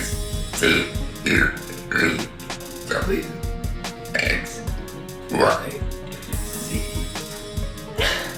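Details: A girl deliberately makes a series of about eight loud, voiced belches over background music after a chicken sandwich for supper; repeated burping.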